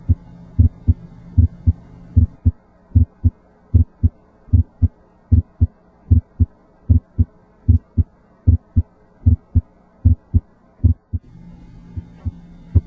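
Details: Regular paired heart sounds at about 76 beats a minute, auscultated with the diaphragm at the aortic, pulmonic, left lower sternal border and apex areas in a patient with emphysema-like chest; normal S1 and S2.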